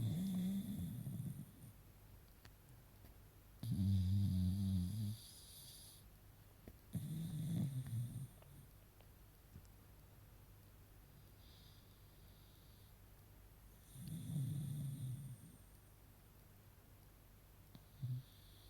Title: Beagle puppy Yfke 🐶 Snoring her nose off ... This is just tooooo funny 🤣